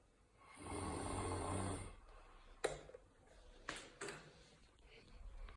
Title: snoring